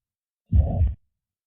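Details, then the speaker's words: Mitral regurgitation: a holosystolic murmur starting at S1 with the same intensity throughout systole, best heard at the apex (mitral area) and radiating to the left axilla; a low, even whoosh about half a second long. "This holo systolic murmur is best heard at the mital region the apex with radiation to the left axilla."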